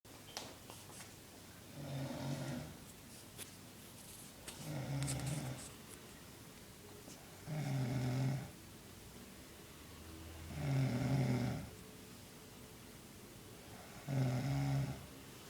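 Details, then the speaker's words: Attila, an adult man, snoring in his sleep, said to be only at a quarter or half of his usual loudness; low rumbling snores about every three seconds, roughly 20 per minute, in a quiet room. "okay so that's attila snoring that's only at like a quarter or half because he can he can really saw the logs sometimes"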